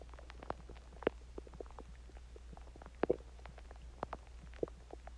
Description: This is my stomach growling after I ate chinese food and I drinked water and I managed to record my stomach longer but I will try doing 1hour of stomach sounds and heartbeat sounds.